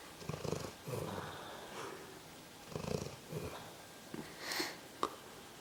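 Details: Female pet snoring in sleep, said to sound like a human: soft, irregular snuffling snores with snorts.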